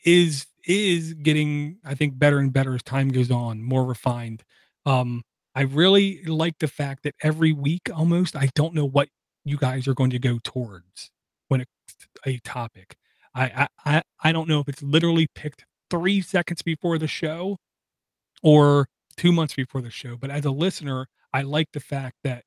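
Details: Stuttering in a male podcast host who says he has a stutter but rarely stutters on this relaxed show; a sound repetition is heard in this stretch.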